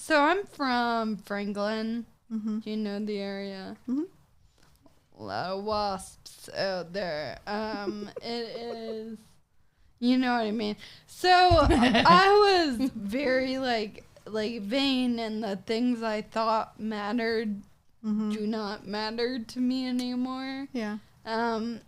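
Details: Ataxic dysarthria in a 26-year-old woman with Friedreich's ataxia, a progressive genetic disease; also affects gait.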